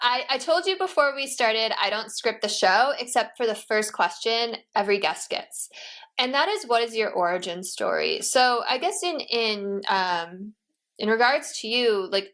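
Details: Adult woman speaking; normal speech.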